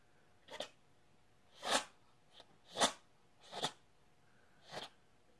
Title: Monday Sneeze Fest